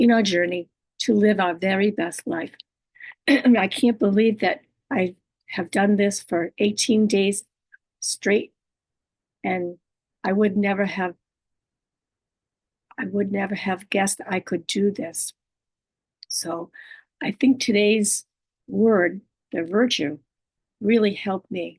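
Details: Adult woman living with aphasia, apraxia of speech, dysarthria and other communication disorders; she says her speech can be hard to understand and distorted: aphasia with apraxia of speech and dysarthria.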